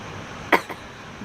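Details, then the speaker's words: Woman coughing in a car after a bong hit of weed: one sharp cough with a smaller second burst over steady car noise, an irritant cough after inhaling smoke. "Damn. This always hits me. Oh my god, I instantly like okay, there's a little bit of weed left in there. Woo! I'm just coughing from that"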